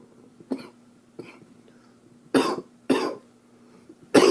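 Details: Cough from an upper respiratory infection, recorded in 2013: five short coughs, two lighter and three harsher, in a quiet room.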